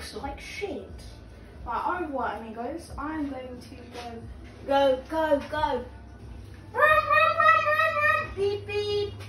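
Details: Female with Tourette syndrome; vocal tics while making lunch, repeated word possibly a tic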